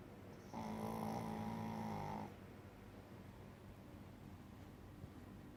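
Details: Sleeping dog on a lazy day: a single long, buzzing, tonal snore of about two seconds, then quiet room noise.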